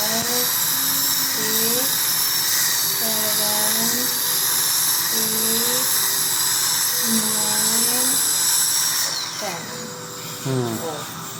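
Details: Dental drill on a child's decayed tooth, removing soft decay before medication, no anesthesia: steady high-pitched drill whine with the child's voice and background music.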